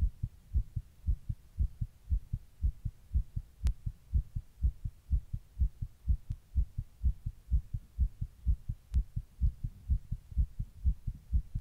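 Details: Recording of own heart while sitting in 100 degree heat during a heatwave; steady, rapid low thumps at about 125 beats a minute, tachycardia.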